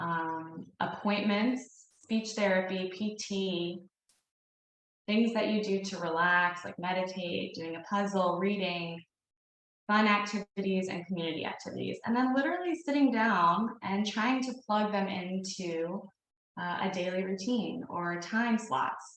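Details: Adult woman speaking; normal speech.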